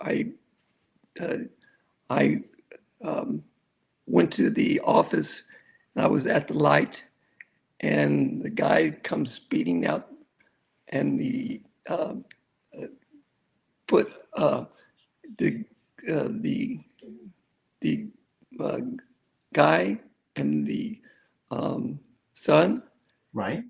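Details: Aphasia, non-fluent with word-finding difficulty, in an adult male stroke survivor, acquired after a severe stroke, with over a decade of rehabilitation since; real patient.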